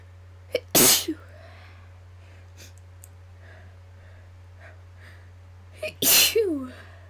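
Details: Two loud, forceful sneezes, each preceded by a sharp intake of breath, with quiet breathing between; deliberately induced sneezing.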